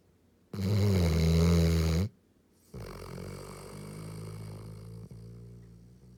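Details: Yellow Labrador dog snoring: one very loud, deep, rumbling inspiratory snore, then a quieter, drawn-out rasping breath; loud snoring like a train.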